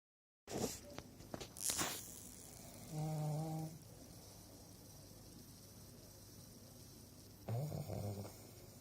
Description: #Goodnight, sleep tight and here she goes...@Maggie the pug snores#